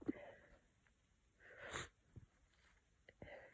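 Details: Person with a cold: quiet sniffing, then a muffled, blocked-sounding sneeze; congested sneezing from nasal congestion.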